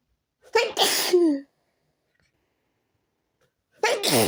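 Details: One forceful sneeze with sharp intake and burst, then silence and the start of a second, persisting despite changing rooms; part of a repeated sneezing fit.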